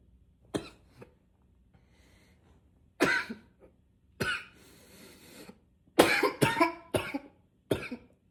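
Repeated harsh cough bursts, about ten, some in quick runs with throat clearing between, a persistent coughing spell.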